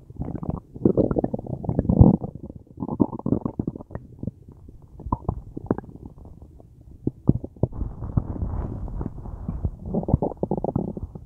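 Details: Person with a tummy ache, since resolved: loud, prolonged gurgling and rumbling from the belly in repeated bursts; borborygmi.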